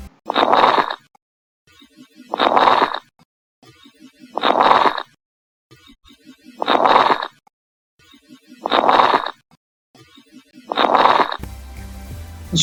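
Rough, noisy breath sounds repeat at about 30 a minute, with low-pitched bubbling crackles through the breaths. These are coarse crackles, which can be heard in both breathing in and breathing out and point to secretions or fluid in the airways. Music starts at the end.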